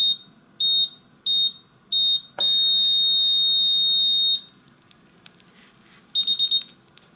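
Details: Functional check of a Visomat OZ 20 fully automatic oscillometric blood pressure and pulse monitor: loud high-pitched beeps in a short series, then a long tone and a click, then a quick run of beeps.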